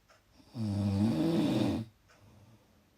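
One loud, low, rattling snore on a breath in, lasting over a second, then quiet breathing.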